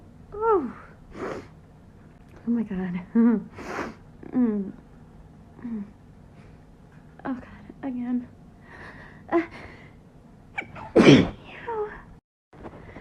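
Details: Woman at bedtime with a tickling, tingling nose, trying to keep quiet, gives a run of repeated sneezes, each with a quick gasping intake and short exclamations between; she links it to Sponge coming into the room.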